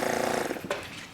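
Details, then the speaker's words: Oral suction machine demonstration: the patient tubing is blocked, and a steady motor drone with a rushing, pulsing quality builds as suction is pulled through the filter, hose and canister and then increased with the intensity knob. "this is where the suction is going to go out to the patient so if i were to block that off you can hear the machine pull start pulling a suction"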